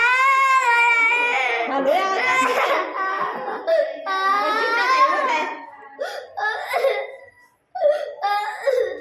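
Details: Young child crying loudly in sobbing, wailing bursts with catch-breath pauses in a small room while blood is drawn by injection.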